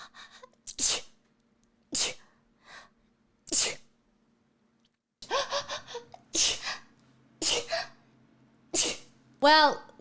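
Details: Person sneezing: run of sharp, explosive sneezes with short breathy catches and a brief vocal sound between them, quiet room.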